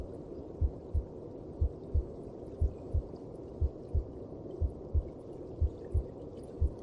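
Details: Heartbeat as heard inside the mother's belly: soft paired thumps at about 60 a minute under a steady low whooshing rumble.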